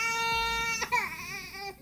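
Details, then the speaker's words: Laryngomalacia, a floppy, very narrow voice box collapsing inward so the vocal cords cannot be seen: high, harsh, squeaky crowing inspiratory stridor with a short cry. "this is a floppy voice box very narrow and you can't see the vocal cords here's another example look at how everything flops in and note the strider"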